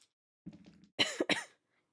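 A brief low throaty rumble, then two sharp, harsh coughs in quick succession, fitting a lingering mucus cough after the flu.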